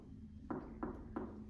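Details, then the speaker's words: Three evenly spaced, hollow, drum-like percussion taps over the abdomen during a lung percussion demonstration on a student volunteer: a tympanic note, as also heard over Traube's space; normal tympanic percussion note. "this is tympanic sound, yes? This is tympanic sound. And, or in case of Traube space, yes? It is a tympanic sound, okay?"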